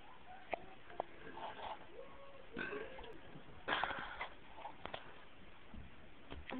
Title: Burping on Command